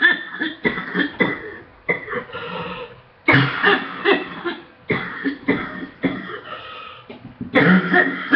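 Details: Morning coughing while sick, in a cough said to be improving except in the mornings, with meds awaited: repeated harsh coughs in clusters, about eight bursts, with a throat-clearing quality.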